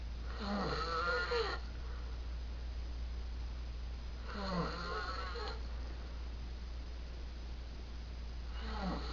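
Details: Man snoring loudly at 3 a.m., not waking: rough rattling snores recurring about every four seconds, roughly 15 a minute, over a steady low hum; snoring.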